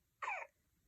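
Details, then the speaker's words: A single brief, high-pitched cough-like sound from an awake infant simulator doll, a routine simulated infant sound needing no care. "baby will also make typical infant sounds when it is awake such as cooing and"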